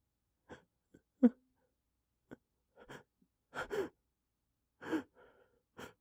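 Several sharp, explosive bursts with quick breaths drawn in between, some muffled as if held back: a run of sneezes.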